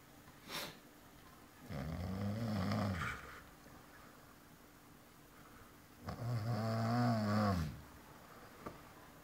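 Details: Friend asleep, snoring aloud: two long, deep, buzzing snores on the in-breath, about 13 breaths a minute, with quiet between them; ordinary snoring.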